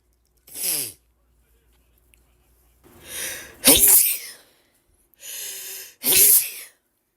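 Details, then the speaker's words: A quick run of three sharp, explosive sneezes, some with a short indrawn breath before them, from a woman in an allergic sneezing fit (tagged ragweed allergies) on a day she can't stop sneezing. "hey oh my gosh such a Sneezy day today guys I seriously cannot stop sneezing"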